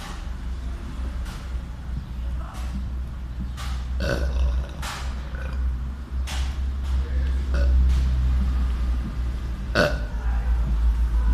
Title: Burping Boy